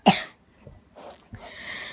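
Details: Adult with a recurring cough, back for several days; a single sharp, loud cough burst followed by quieter breathy noise.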